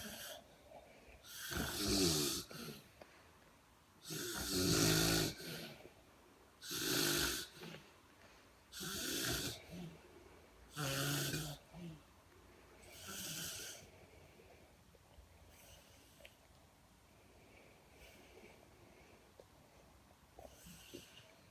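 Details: Sleeping person snoring loudly, rough bursts with each breath fading to quieter breathing by the end.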